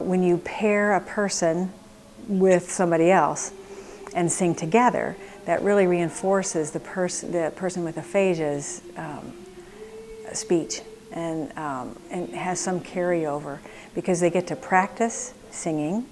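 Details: Adult woman speaking; no speech disorder.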